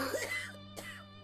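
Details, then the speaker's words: Two heavy, wet, rattling, weak coughs over a low background hum: a dramatized cough sound effect in a narrative about 1880s New York tenements, heard from the narrator's mother or older sister in the dark. "वो आवाज़ गीली है। कमज़ोर है। जैसे फेफड़े अंदर से गल रहे हों।"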